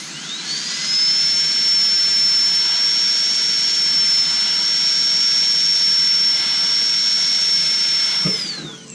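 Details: High-pitched steady whine that spins up, holds about seven seconds, then winds down: a dental high-speed handpiece doing interproximal reduction with water on a stone model, tracing the contact outline at 45-60 degrees.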